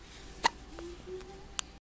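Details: A 1-month-old baby boy with hiccups: two brief, sharp hiccup sounds over quiet room noise, with faint soft voicing between them.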